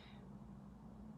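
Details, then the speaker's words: An adult's own stomach rumbling from hunger, heard while she talks: a soft, low, sustained gurgling hum from the belly, ordinary borborygmi. "my God you hear my tummy rumbling I need to eat something sorry"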